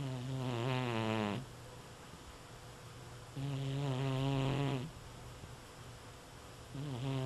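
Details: Slow, buzzing, rattly snores on each breath, about 18 breaths a minute, with quiet pauses between; ordinary snoring during sleep.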